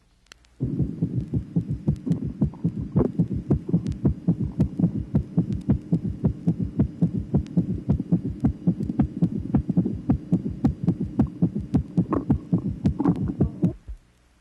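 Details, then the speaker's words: 1967 auscultation teaching record, tracing 8: fast regular heartbeat with a galloping triple rhythm from tachycardia plus a third heart sound due to ventricular filling. "tracing number eight gallop rhythm resulting from tachycardia with the addition of a third heart sound due to ventricular filling"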